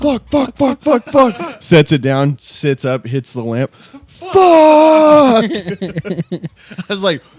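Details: Adult male speaker; typical adult male speech.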